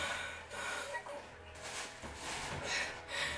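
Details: Acted asthma attack during a prank by a young woman claiming asthma and pet allergies, puffer given: rapid, noisy gasping breaths with snorting intakes; simulated asthma attack breathing.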